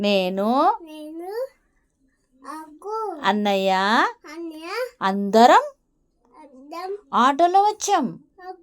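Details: Conversational Telugu speech with a therapist from a 3-year-old child with a cochlear implant, after one year of auditory verbal therapy.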